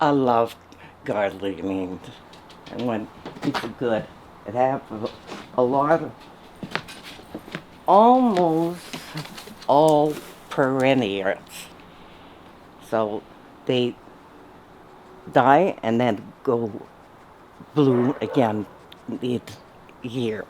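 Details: Aphasia after a stroke in an adult who reports it is hard to talk.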